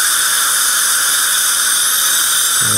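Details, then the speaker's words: High-speed dental drill with diamond bur and water spray adjusting the bite on a cemented porcelain crown, moved in circular motion: continuous high-pitched whine with water hiss. "same thing just try to keep the diamond moving in a circular motion so we don't create just a flat plane"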